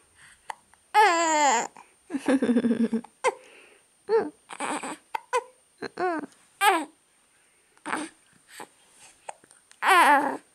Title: 온몸으로 딸꾹질 (baby hiccup)